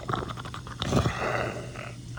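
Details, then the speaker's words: Death rattle (terminal respiratory secretions) in a dying man, recorded by family very close to death: louder, wetter gurgling breaths; the hospice nurse says he is still preserving his airway. "It gets a little louder, a little wetter. And I just think it's important that we can hear this and understand it."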